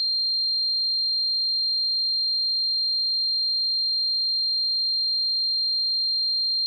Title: 🔊 Tinnitus Sound Effects: What It's Like to Suffer from Tinnitus